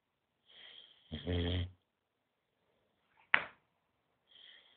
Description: Our 9mth old boxer snoring his head off